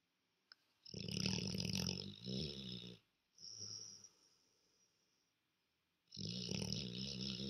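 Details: Black labrador asleep on a sofa, a habitually loud snorer who often wakes owners at night: loud, fluttering snorts on the breaths separated by short silences: snoring.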